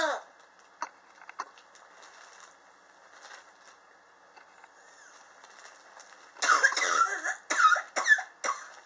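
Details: Chronic cough recorded July 2018 in a person coughing since summer 2016, which they attribute to extreme temperature changes in their apartment: quiet scattered throat sounds, then a cluster of several harsh, dry coughs near the end.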